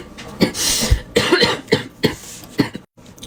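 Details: Young woman with bronchitis: a rapid run of about five harsh, congested, wet productive coughs from a persistent cough that recurs every few minutes and hurts her throat and chest.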